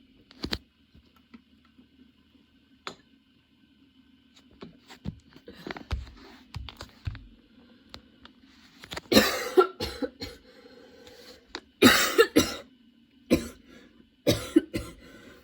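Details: Person with a sudden, very long coughing fit that brought tears and kept worsening while they changed positions: repeated harsh cough bursts building from scattered coughs into clustered, louder runs, with faint background music.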